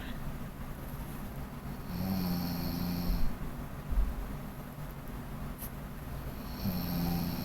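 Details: Snoring: low rumbling snores on the in-breath, two clear snoring breaths over several seconds with quiet breathing between.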